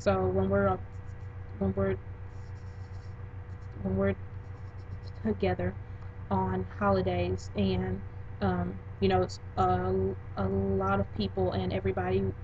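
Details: Young woman in her 20s who stutters, also diagnosed with anxiety and OCD about a year and a half ago; word repetitions heard; stuttering.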